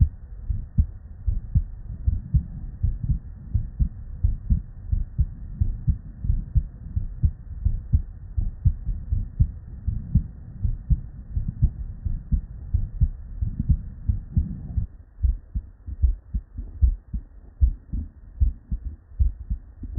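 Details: Real, unedited bedside auscultation of a human with normal cardiac physiology: steady paired low first and second heart sounds with soft background rumble; normal heart sounds.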